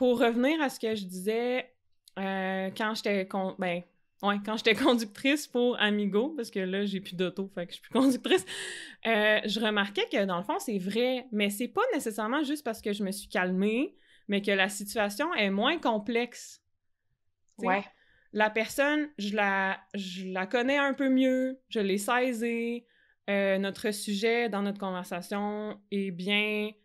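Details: Adult woman who stutters, a master's candidate in speech-language pathology; word repetitions occur, and she says her stuttering was often highest in complex situations such as driving carpool passengers. Finding: stuttering.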